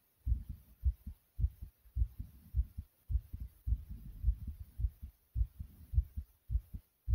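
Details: Own heartbeat after jumping exercise: strong, regular lub-dub beats at about 105 a minute; fast, pounding heartbeat after exertion.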